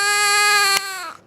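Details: Newborn baby girl in hospital shortly after birth, before discharge: a single loud, high-pitched, steady wail trailing off at the end; ordinary healthy newborn cry.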